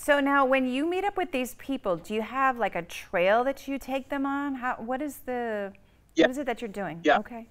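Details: Adult woman speaking; normal speech.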